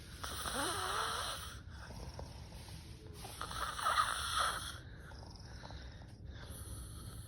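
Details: Adult woman snoring loudly while asleep: harsh snores with a whistling edge on the breaths, about 3 seconds apart.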